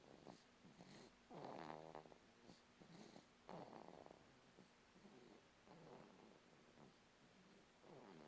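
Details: 3-month-old baby snoring, said to snore like his father: soft, snuffly, irregular snoring noises with the breathing over background hiss.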